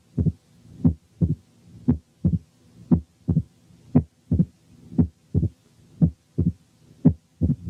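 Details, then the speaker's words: Mitral stenosis at about 60/min: a loud first sound with the patient supine, then an opening snap, a mid-diastolic murmur and presystolic accentuation appear as the patient slowly turns onto the left side. "أولا والمريض نايم على ظهره هنسمع الساوندز بس والفيرست ساوند اكسنتويتد، وأثناء ما هو بيلف ببطء شديد عشان ينام على الجنب الشمال هتظهر الأوبننج سناب ثم الميد دايستوليك مامر ثم البري سيستوليك اكسنتويشن."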